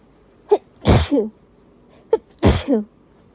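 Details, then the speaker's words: Adult with an unusually itchy nose, not induced, during a tissue sneezing session: two forceful sneezes, each preceded by a sharp in-breath, over low room noise; described as quite strong. Sneezing. "they're quite strong as well oh my goodness wow wow wow my nose is particularly itchy"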